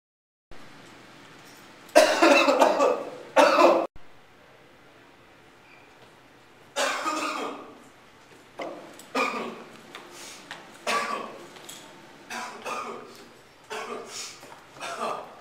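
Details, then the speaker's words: Simulated cough in an acted doctor scene, patient describing two days of coughing, chest pain, trouble breathing and wheezing, tuberculosis mentioned: two harsh bursts, a pause, then about ten shorter hacking coughs. "I've been coughing for the past two days my chest is in a lot of pain I'm having trouble breathing"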